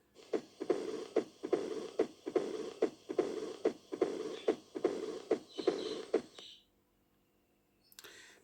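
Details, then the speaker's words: Mitral stenosis mid-diastolic murmur heard by stethoscope at the apex (fifth intercostal space, midclavicular line): regular heartbeat near 72 a minute with a low rumbling murmur between beats. "أما عندنا الميترال ستينوسز وهو اللي يصنف ضمن الميد دايستوليك مرمر، يصنف ضمن الميد دايستوليك مرمر."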